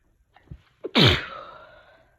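A short intake of breath, then one loud explosive sneeze that fades out; a single ordinary sneeze.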